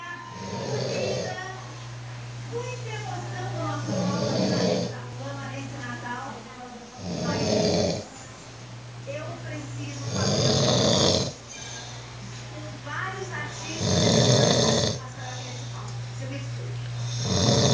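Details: Kadu, a heavy sleeper, snoring "like a tractor without an exhaust": deep, rumbling snores every three to four seconds, about 18 a minute, with a constant hum and talk in the background. Loud snoring.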